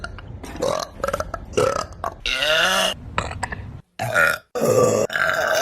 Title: TikTok Burp Compilation That Makes You Question Life! #shorts